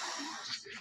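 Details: An adult with a tracheostomy coughs around the tube with the tube plugged, for the first time, and recreates it on purpose: a single brief, airy, harsh cough burst. Says the throat feels very open.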